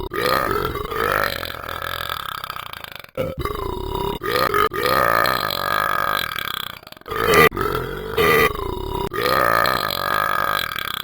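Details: Person drinking apple cider and burping: long, loud, sustained belches in several drawn-out runs with brief pauses; burping.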